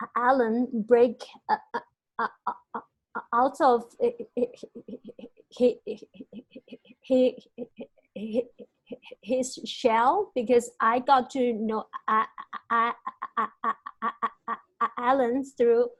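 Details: Stuttering in a male senior university student, present since about age five or six; his biological father and maternal grandfather also stuttered.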